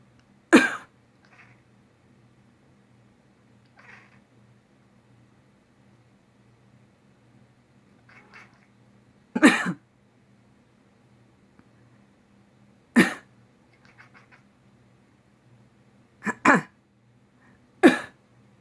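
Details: Five sharp, isolated adult coughs, each followed by a soft, brief cat chirp: cough.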